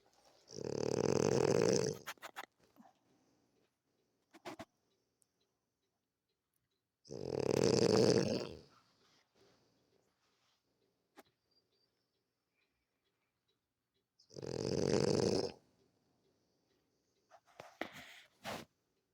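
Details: A person sleeping deeply gives three loud, drawn-out rumbling snores about seven seconds apart, with quiet pauses between them; snoring.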